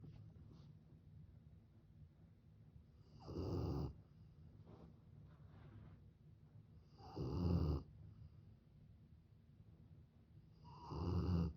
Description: This mama dog and her puppy fall asleep side by side, snoring perfectly in sync.